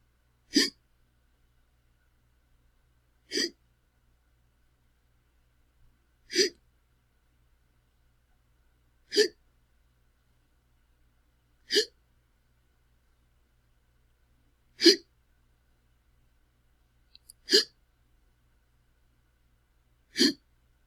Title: Sounds of a Man Having The Hiccups - Hiccup Sound Effect